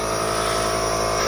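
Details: Steady mechanical hum and buzz of a nebulizer compressor during a ten-minute breathing treatment for a young child with a bad cough; asthma testing; nebulizer running.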